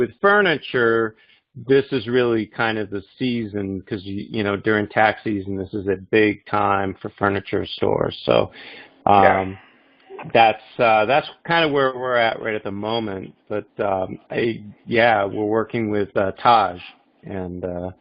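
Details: Adult male speaker; normal voice.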